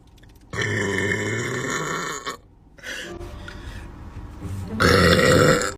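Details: Girl burping: two long, loud, voiced belches separated by a brief pause and a lower rumble.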